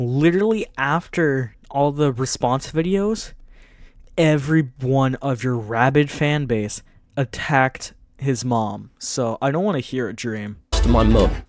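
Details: Adult male speaker; no speech disorder.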